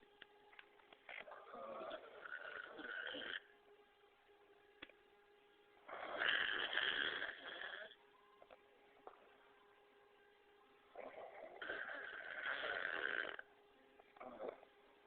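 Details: Adult man who denies snoring, recorded asleep: three long, rough, rattling breaths roughly five seconds apart over a steady background hum; snoring.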